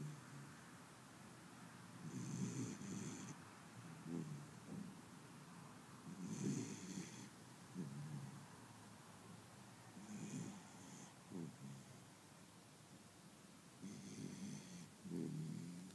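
Soft, rattly snores with a faint whistle, about 15 breaths a minute over background hiss; a puppy snoring while asleep.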